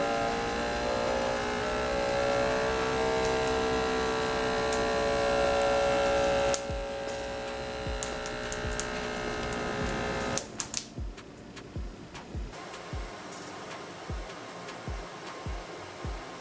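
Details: Automatic inflation and deflation of a HYLOGY MD-H12 digital upper-arm blood pressure monitor on the reviewer's upper arm: steady motor whine while the cuff inflates, then stepwise release with regular valve clicks; reading 99/71, pulse 63/min.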